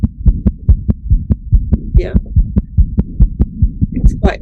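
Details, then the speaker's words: Newborn heart recording from a newborn-examination teaching app: fast regular heartbeat about 143 per minute with a continuous low rumbling murmur of patent ductus arteriosus. "Here we've got some audio of a patent ductus arteriosus."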